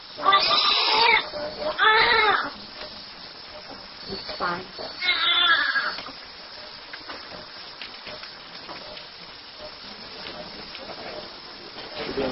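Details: A few short, high-pitched wailing cries from a newborn during neonatal resuscitation teaching, after tactile stimulation (flicking the sole or rubbing the back) with a good heart rate, then quieter room noise.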